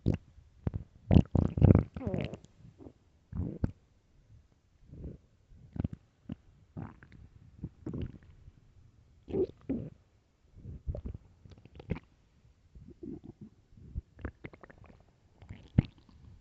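Loud, irregular gurgling and rumbling bursts from the belly; normal bowel sounds, stomach growling.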